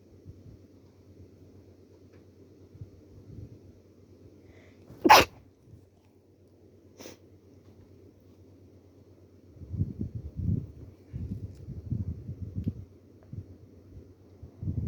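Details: Female with a cold and a little stuffy: one sharp sneeze with a softer second one, then quiet breathing and rustling; sneezing.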